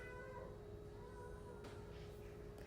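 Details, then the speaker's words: A faint, distant baby cry in the background: thin, drawn-out wailing tones over low room hum. "As you can hear, my baby's crying in the background. So, I got to tend to my mommy duties."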